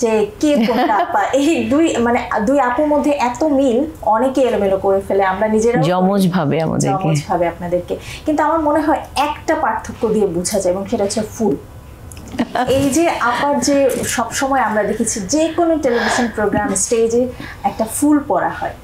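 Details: Adult woman speaking; Normal voice.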